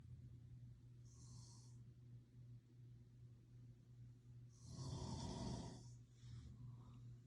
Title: New Years Eve Snoring 2021